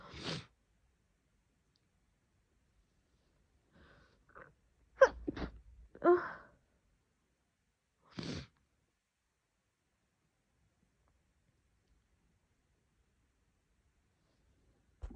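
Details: Female sneezing, messy and wet, with a nose blow at the end: several abrupt, wet, explosive bursts with short intakes of breath between them in a quiet room; sneezing.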